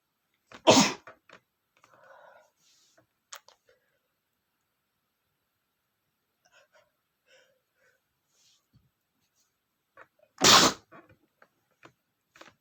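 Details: Male sneezing after smelling flowers, first trying to hold back: two loud, explosive sneezes about ten seconds apart, with faint breathy sounds between them as the sneeze builds.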